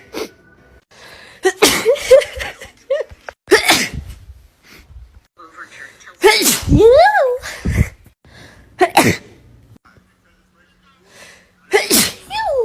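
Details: Several sharp, explosive sneezes, some with a rising pre-sneeze gasp and brief talk between, from a young woman with bad allergies; a compilation of her allergic sneezing.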